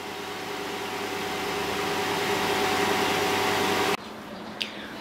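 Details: Diode laser hair removal machine MSLDL04 running in low-frequency, high-energy treatment mode: steady fan-like mechanical hum with a faint tone, cutting off abruptly near the end.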